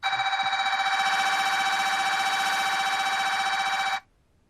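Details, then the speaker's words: MRI scanner noise played for UK Biobank imaging participants: a loud, steady electronic buzzing tone with rapid pulsing that stops abruptly, like alarms or hammering, ordinary and normal scanner noise during imaging. "here are some noises that you might you might hear in the mri scanner i'm hoping you can hear these it sounds very much like alarms often or hammering noises and i know that these can be a little disconcerting"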